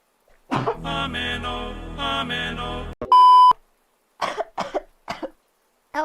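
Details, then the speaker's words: Half sneeze, half cough during a live chat stream, over background music after a beep: several short explosive bursts, a mixed sneeze-cough. "like half sneeze half cough"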